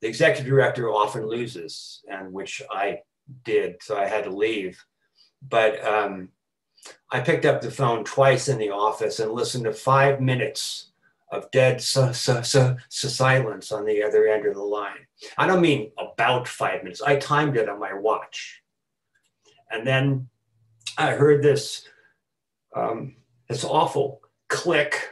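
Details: Adult man who has stuttered since about age four; stuttering with repetitions, fillers and blocks throughout his speech.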